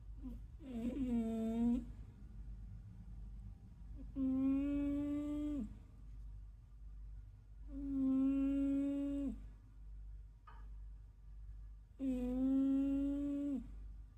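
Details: Snoring in a sleeping 13-year-old cat: four loud, drawn-out, tonal moaning snores about four seconds apart, around 16 breaths a minute.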